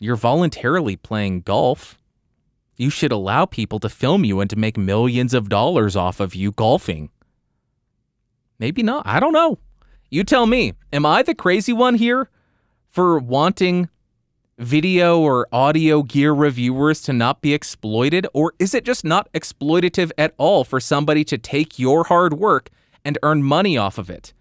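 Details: Adult male speaker; typical speech.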